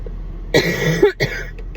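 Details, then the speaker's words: Harsh, persistent adult cough from severe bronchitis: two coughs, the first long and rough, the second a short burst. The cough began after an ER visit for severe chest pain, and the patient tastes blood when coughing. "First of all, as you can hear and you heard, I have a horrible cough."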